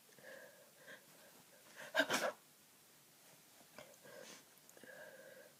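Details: Day 3 of a head cold, blocked nose, feeling very ill: quiet, snuffly congested nasal breathing around one soft, tired sneeze.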